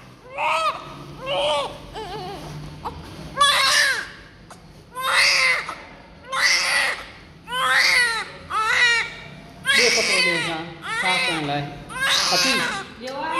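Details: Repeated loud, rhythmic high-pitched wails with breaths between, about ten cries, from a newborn just after birth, covered in thick vernix with blood, during cleaning; a vigorous newborn cry.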